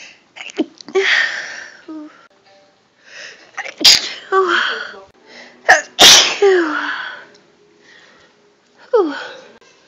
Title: Sneezing a lot..